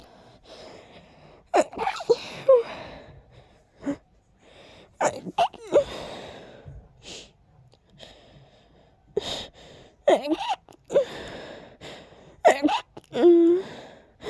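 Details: Several breathy, stifled sneezes, some with gasping build-ups, from a person whose allergies are acting up and whose nose felt incredibly tickly: allergy-related stifled sneezing.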